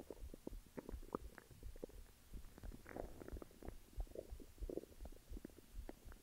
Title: Stomach growls